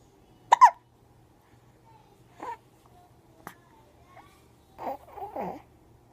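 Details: Hiccups: short, abrupt catches in the voice about a second apart, with some soft babble.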